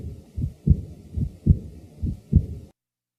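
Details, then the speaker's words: Early diastolic murmur in a man with mild aortic regurgitation: regular heartbeat near 70/min with a soft high-frequency blowing murmur starting right after the second sound. "the following example is that of an early diastolic murmur taken from a man with mild aortic regurgitation"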